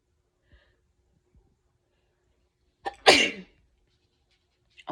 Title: How to sneeze nonstop! ( part 12)